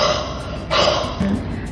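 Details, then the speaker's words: Voluntary huff cough demonstrated for clearing phlegm, done sitting and leaning forward on a pillow after 4–5 breaths with a final breath held 1–2 seconds: two forceful, breathy, voiced cough bursts. "Kemudian ditarikkan nafas yang terakhir ditahan selama 1 sampai 2 detik seperti ini. Setelah itu batukkan dengan kuat dengan suara."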